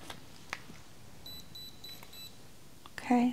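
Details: Soft repeated high electronic beeps in a quiet room from a digital thermometer finishing a temperature reading of 98.1, taken after blood pressure and oxygen checks in a role-played annual physical exam.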